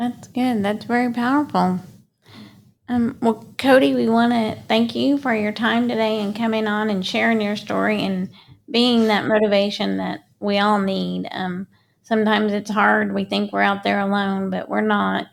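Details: Adult woman speaking; normal speech.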